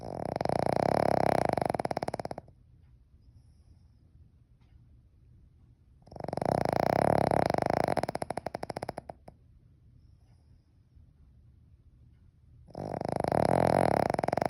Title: Snoring dog